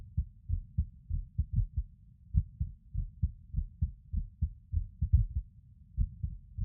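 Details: Heartbeat recording from a male lying on his bed, who describes his heartbeat as skipping. Skipped beats with an irregular rhythm.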